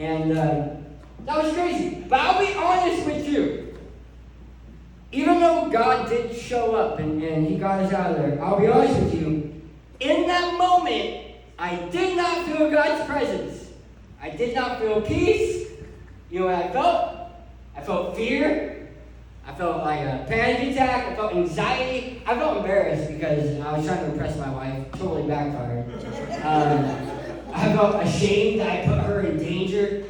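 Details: Adult male who lost 80% of his tongue to cancer, now with a permanent speech impediment; articulation impairment after partial glossectomy.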